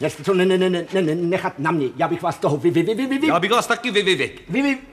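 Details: Acted stuttering by a character in a 1981 Czech TV production of the operetta Die Fledermaus; stuttering (acted).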